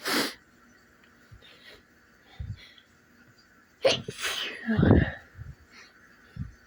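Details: Sneezes on waking in the morning: a sharp sneeze, quiet breathing, then another sneeze with a voiced after-sound and soft murmurs, in a quiet room; the sneezer says it hurt.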